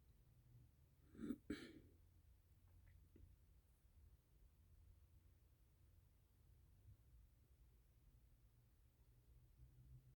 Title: Baby Bunny has the hiccups #BasiltheBunny #HollandLop